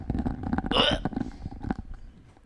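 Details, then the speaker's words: Cat retching to bring up a hairball: rapid rhythmic gulping spasms and harsh forced exhalations with hacking. The owner says the cat eats too much food and then throws it up. "Your cat's about to hurl, Ross. Uh, Oh yeah, hairball. yeah. Hairball's coming."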